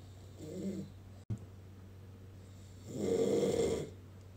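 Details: Adult man (husband) snoring: a short soft snore, then a longer, louder rattling snore on the next breath, over steady room hum; ordinary snoring.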